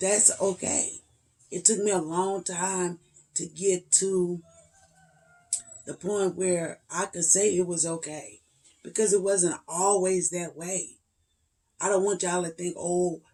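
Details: 56-year-old woman with spasmodic dysphonia and voice tremor, treated with neck injections paralyzing laryngeal muscles every three months, last just over two weeks before; voice cracks, hard to get words out; spasmodic dysphonia.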